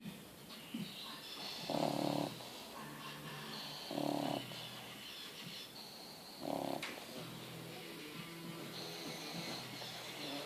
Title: Igor Roncando Frenchie snoring